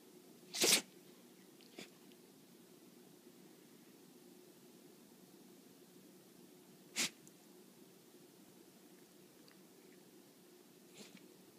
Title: Sneezing Dachshund